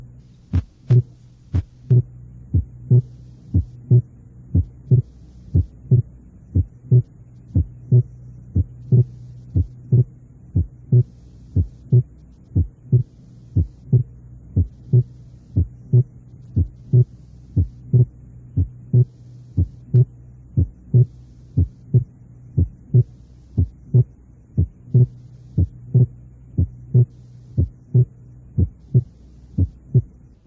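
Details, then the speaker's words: Regular heart sounds at about 60 beats a minute in slow breathing; S2 is single or barely split on expiration and splits on inspiration. Normal physiological splitting of S2, with a faint background hum. "normalmente el segundo ruido cardíaco es único o muy ligeramente desdoblado durante la espiración y muestra un desdoblamiento en la inspiración escuchemos el desdoblamiento inspiratorio del segundo ruido tal como ocurriría con la respiración lenta"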